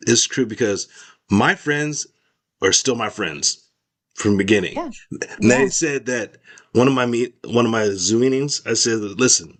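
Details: Adult male stroke survivor with post-stroke aphasia affecting expressive language, recovering after speech therapy, talking with his former speech-language pathologist; real. Finding: aphasia.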